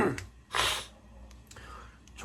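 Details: Sneeze from rhinitis (nasal inflammation): a single sharp, forceful sneeze burst in a small room, followed by faint breathing and household noise.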